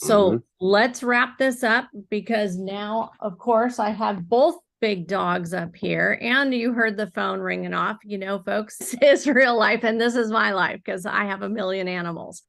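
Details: Adult woman speaking; normal fluent speech.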